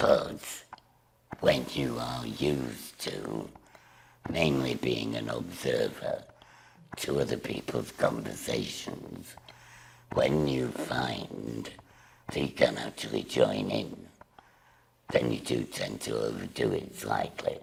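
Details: Woman with laryngectomy speaking through a voice valve device. Finding: alaryngeal (tracheoesophageal) speech after laryngectomy.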